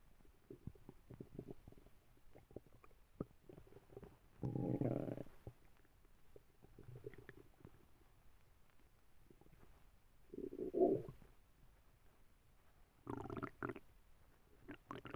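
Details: Sleeping dog Karelia with a very loud tummy: low gurgling and rumbling bursts, a few long loud ones, over quiet crackly background; normal stomach rumbling (borborygmi).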